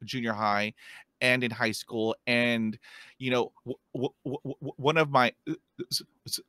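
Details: Real stuttering in an adult man who stutters, heard while hosting a show about life with stuttering; stuttering.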